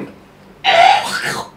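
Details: A single harsh throat-clearing cough burst in an adult with a recurring cough since 2018 that returned despite doctor treatment, recorded during a traditional healing session.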